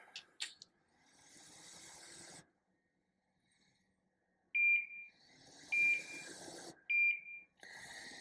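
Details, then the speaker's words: Infusion pump start-up beeps: three short high electronic beeps about a second apart as the pump powers on, for TPN through a PICC line in a patient with mitochondrial disease who has a tracheostomy and ventilator. "Here's my pump. I'm gonna turn it on. It's gonna beep, beep, beep, beep, beep. Isn't this fun? So it starts up."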